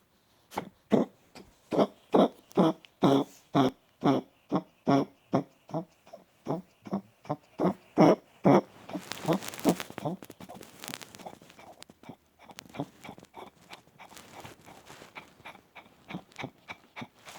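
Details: Chihuahua with congestive heart failure, mitral and tricuspid valve disease, murmur since birth, medicated earlier: long rapid run of harsh, hacking cardiac coughs.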